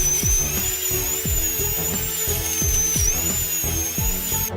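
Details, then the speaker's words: Steady high-pitched whine of a small dental drill over loud background music: removing residual decay inside a tooth cavity, working close to the dental pulp. "The doctor changed into a small drill and continued to remove auxiliary wisdom. It’s already close to the dental pulp."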